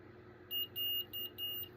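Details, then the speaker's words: Omnipod 5 insulin pump pod worn by a type 1 diabetic, beeping four short high-pitched electronic alerts during setup, prompting to finish setup after the pod's adhesive failed to stick. "that's it keeps beeping at me because you need to do your thing you need to set it up I need to finish setting it up"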